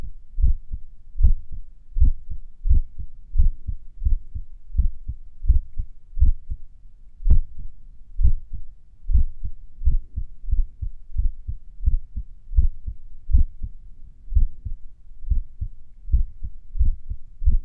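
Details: Own heartbeat a few minutes after finishing morning exercises: clear beats near 80 a minute with pauses that lengthen and shorten between beats; sinus arrhythmia during recovery, a normal variation.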